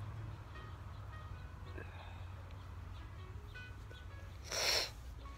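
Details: A single short, forceful sneeze outdoors in a summer garden over background music, in a person allergic to grass; sneezing.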